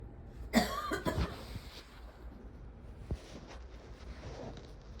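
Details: Her old lady cough: a couple of harsh, rough coughs from a child, followed by quiet room noise.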